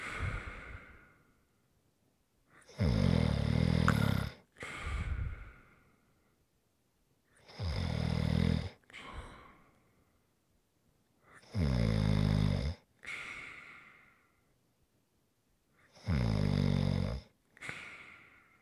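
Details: ASMR snoring recording: deep, rasping snore on each breath in, each followed by a short snort and a breath out, about 13 breaths a minute; snoring.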